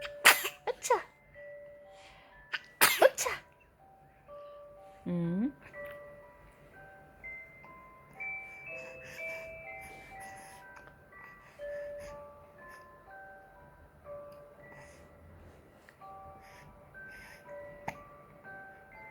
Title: #딸꾹질 #재채기하는 아기 # baby's hiccups & sneezing #shorts